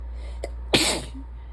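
A small intake, then one sharp, forceful sneeze with a congested, wet quality, heard against steady low room hum.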